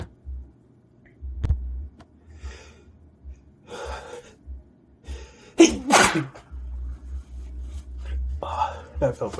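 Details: Person in a prolonged sneezing fit, eyes watering: sharp explosive sneeze after a short intake of breath, with quieter breaths and sniffs around it; sneeze.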